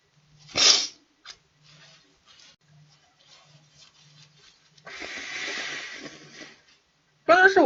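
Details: A young Chinese woman's allergic wet sneeze during a livestream; she says she feels awful and asks about rhinitis medicine. A sharp, wet sneeze burst, then quiet sniffing and a long noisy exhale or nose blow.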